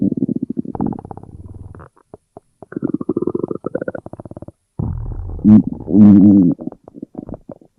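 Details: Simulated stomach noises from a Gorilla Tag game character's hunger joke: rapid gurgling, buzzing rumbles in bursts ending in louder groans; a sound-effect imitation of stomach rumbling.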